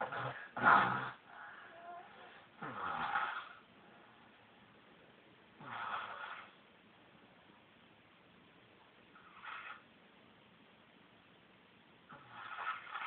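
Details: Irregular snorting, rattling snores in bursts every few seconds with quiet gaps between; snoring during sleep.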